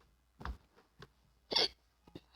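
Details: Several abrupt, short, gulping catches of breath in a quiet room while the person is playing Minecraft and says they have the hiccups; hiccups.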